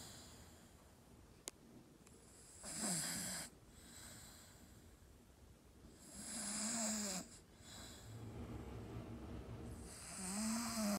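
Three loud, rasping snoring breaths, about 16 a minute, with quieter breathing between them: snoring in a sleeping dog.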